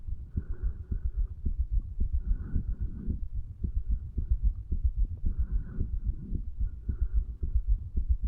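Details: 35-year-old male's own heartbeat, stethoscope over the tricuspid area placed lower than usual, recorded after medical marijuana and nicotine: steady, low, muffled regular thumps over a soft rumbling background.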